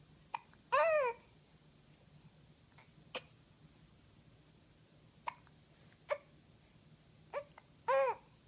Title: babbling and hiccup